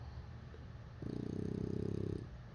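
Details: A bulldog puppy asleep and apparently dreaming gives a rapid, fluttering rumble lasting just over a second on one breath; snoring.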